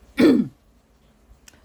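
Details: A single short, harsh throat-clearing burst from an adult woman who says her throat is very dry, followed by quiet room noise. Throat clearing.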